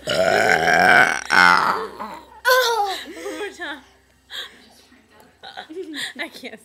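Two long, loud, deliberate voiced burps followed by giggling and laughter; ordinary belching.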